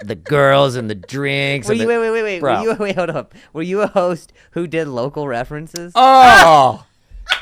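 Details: Real stuttering in a comedian podcast host who links his stutter to an injury, with repetitions of words and phrases in conversational speech: stuttering.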